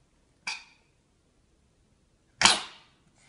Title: Funny Cat coughing and hiccuping